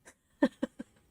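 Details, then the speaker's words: Pet cat sneezing suddenly during a live stream, owner suspects something irritating her nose, and she seems fine afterward: a quick series of three small, sharp nasal sneezes. "Why are you sneezing like that? Oh dear. Probably something irritating her nose."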